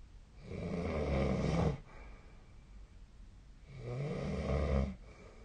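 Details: Snoring during sleep, recorded alongside a snore-tracking app (SnoreLab): two deep, rattling inspiratory snores, each lasting over a second, with quieter out-breaths between them.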